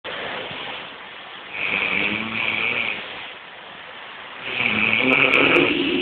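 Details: Snoring (koorkkam vali) recorded in Kochi, Kerala, India.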